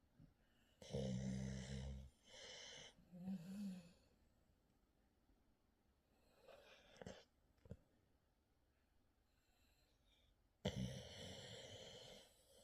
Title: A very snore-y morning 🐾